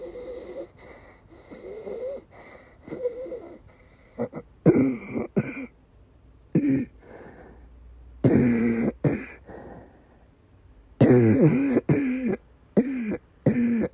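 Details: Whistling, musical wheezy breaths mixed with harsh coughs from a female during persistent asthma attacks with migraine-cluster headache complex, with coughing and vomiting; recorded 7 Feb 2024; wheeze.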